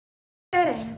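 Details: Normal vaginal delivery: a single brief, falling cry after silence, the newborn's first cry just after birth.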